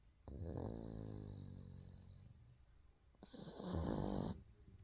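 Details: Pug sleeping with head resting on paw: a long, vibrating, throaty snore followed by a noisy snorting breath; snoring.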